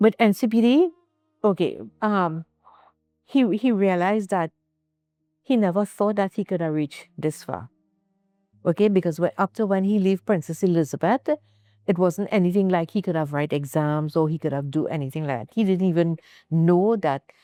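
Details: Adult female speaker; ordinary speech.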